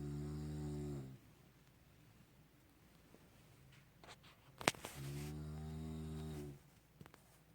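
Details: Adult man snoring at night while asleep, recorded in 2019: two long, deep, droning snores separated by a pause with faint rustling; loud, low-pitched, rumbling, elephant-like snoring.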